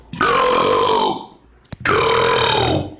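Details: Man deliberately burping in a compilation clip: two long, loud, voiced belches of about a second each, separated by a short pause.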